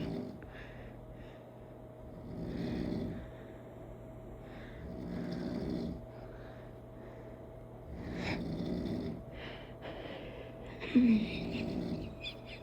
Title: Funny snore effect part 2